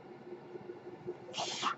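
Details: Speaker's own mechanical ventilator, heard while they record a podcast: a low steady mechanical hum, then a brief rushing hiss of air as the ventilator cycles a breath.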